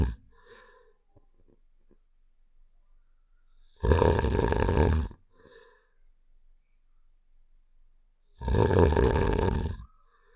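Two long, loud, rattling snore-like sounds about four seconds apart, with faint squeaks between them; a game sound effect imitating snoring.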